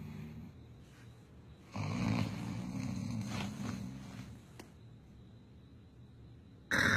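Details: Husband asleep; loud, rough, rattling snore on the in-breath with quieter breathing between: snoring during sleep.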